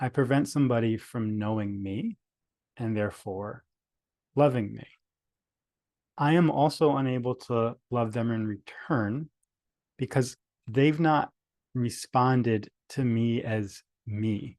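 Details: Adult male speaker; stuttering.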